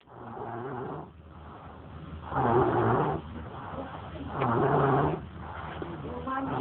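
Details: An adult woman (mom) snoring while tired after a drinking session: loud, rattling breaths that rise and fall slowly, about two cycles in seven seconds, with a rough buzzing tone.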